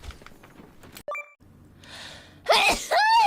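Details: Single sneeze, a sudden loud explosive burst of air ending in a voiced 'choo', after softer room noise, during a livestream.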